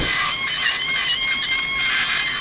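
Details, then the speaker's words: Steady high-pitched whining drill with slight pitch wobble cutting bone to reach the spinal canal during two-level MIS TLIF spine surgery in a 77-year-old man with low back pain and neurogenic claudication. "And I'm using this dental drill to get there like a dentist. Drilling out a bad cavity."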